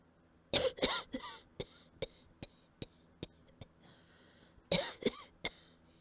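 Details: Quiet, soft, breathy coughs in two runs, each trailing into weaker hacks as the breath runs out: coughing.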